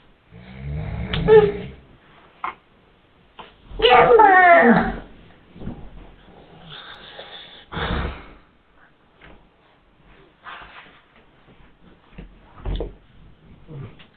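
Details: Loud, rough snoring from a sleeping father, a brief pause when his baby slaps him, then quieter snoring resumes in a small room.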